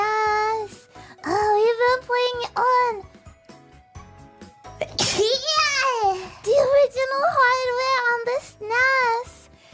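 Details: Virtual streamer character sneezing during a game stream: small sharp sneezes from a high, cute voice between bursts of sing-song talk, faint game sounds behind; sneezing.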